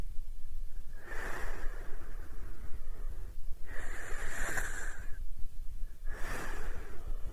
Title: (Snoring) 😴😴😴😴😴😴😴